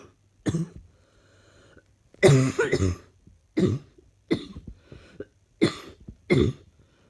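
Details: Six harsh, loud coughs in short bursts, some doubled, with quiet pauses, from a person feeling unwell with a persistent cough; cough.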